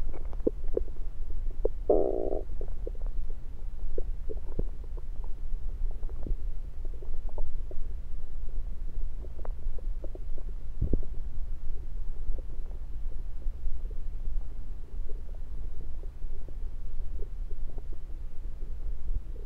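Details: Bowel sounds through a stethoscope moved around the belly (10/16/23), recorded mainly to show stethoscope placement: low gurgling rumbles with a louder gurgle early on.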